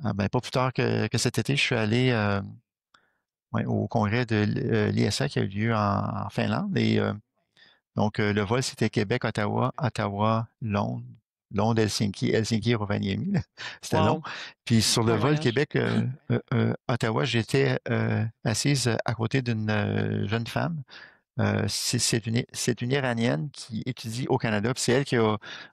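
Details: Adult woman who stutters and says she still stutters, speaking French; stuttering.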